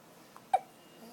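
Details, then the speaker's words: Baby with late-night hiccups while wanting to sleep, after being fed too fast: a single short, sharp hiccup in a quiet room; infant hiccups. "you just want to sleep and you got the hiccups you just want to sleep and you got the hiccups"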